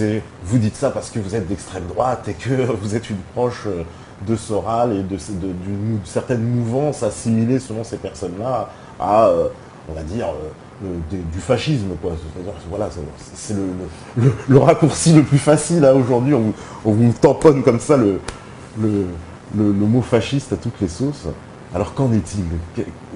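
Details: Adult man speaking French; Normal voice.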